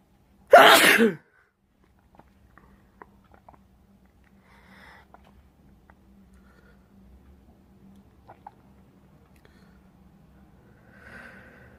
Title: Sneezing off camera, blowing on camera